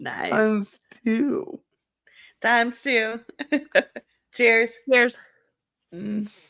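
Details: Woman with cerebral palsy, which she says is why she talks this way and cannot be changed; dysarthria (cerebral palsy).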